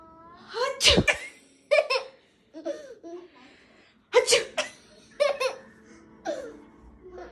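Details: Two sharp, explosive sneezes from the mother, each followed by bursts of laughter from her one-year-old son; sneezing.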